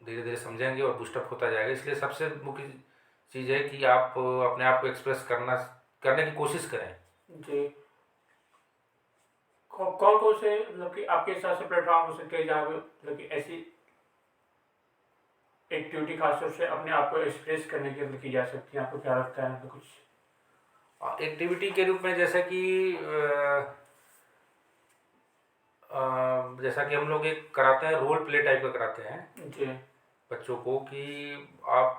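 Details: Man who stammers, asking a question in a Hindi conversation about stammering, real speech with hesitations; stuttering.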